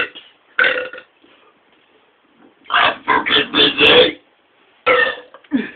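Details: Several loud, rough, voiced belches in separate bursts with pauses between them.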